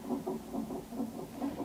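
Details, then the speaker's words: Fetal heart rate acceleration on a nonstress test in a pregnant woman after a failed catheter induction: rapid whooshing Doppler heartbeat, about 150 a minute, rising as the baby moves. "Yeah, cuz according to the monitor strip, there's a little bit of an acceleration already and it looks like baby might have"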